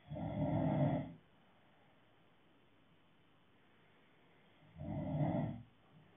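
Two loud, low, rattling snores about four seconds apart, with quiet between them. Snoring.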